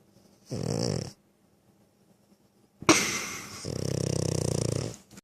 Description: My pug snoring loudly.